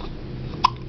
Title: baby hiccup